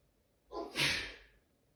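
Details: Possible start of a cold: a single sharp, hissing sneeze with a brief intake of breath just before it; sneeze.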